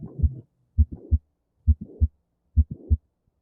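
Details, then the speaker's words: Mitral valve prolapse: a regular heartbeat near 67 a minute, with a very faint mid-systolic click followed by a late systolic murmur that grows louder as it approaches the second heart sound. "a slight a very slight sound of the mid-systolic click before there's a murmur that goes until the second hard sun and it becomes louder as it approaches the second horizon"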